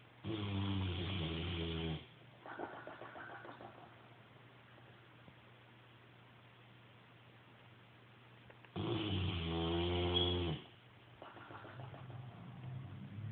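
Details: A sleeping French Mastiff–Bullmastiff mix dog gives two loud, rattling in-breath snores, each followed by a softer wheezy out-breath, about nine breaths a minute.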